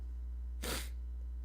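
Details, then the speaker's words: Unexpected sneeze during a live stream; sneeze. "All right. That sneeze took me out by surprise. Oh, all right. I sound like I just did freaking like they snorted some cocaine right now."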